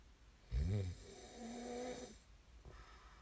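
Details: A loud, rattling snore on the in-breath followed by a softer whistling breath; ordinary snoring during sleep, from an ASMR snoring recording.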